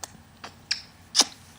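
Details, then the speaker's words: Baby girl being played with, not yet smiling, gives a few faint breathy sounds, then one small, sharp sneeze in a quiet room; the adult suggests bright computer light caused the sneeze. "that light from that computer is so bright super height it makes you sneeze"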